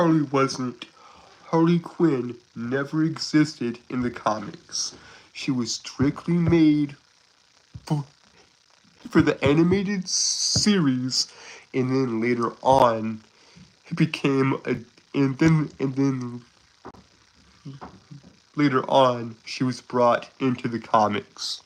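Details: Stuttering in a 22-year-old male who calls himself a Southern stutterer with a speech impediment; he is currently sick and recovering.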